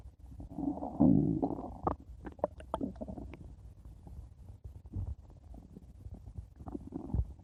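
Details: Stomach growling (borborygmi): low rumbling growl with gurgles and a few squeaky pops; normal bowel sounds.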